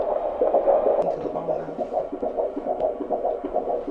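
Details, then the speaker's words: Fetal heartbeat on handheld Doppler during pregnancy in a 33-year-old mother; fast, whooshing, galloping beats around 140 per minute with some shifting noise, a normal-rate fetal heartbeat. "That's a little happy baby."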